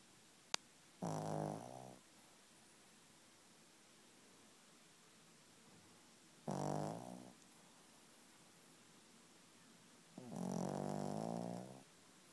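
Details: Female dog snoring, sprawled on the bed at night, tired after an afternoon bath: three slow, rough snoring breaths with quiet pauses, about eleven breaths a minute.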